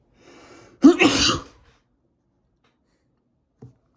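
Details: One forceful sneeze after a quiet build-up breath, then silence and a faint sniff; induced by tickling the nose with a rolled-up tissue, described as partly scenario, partly real.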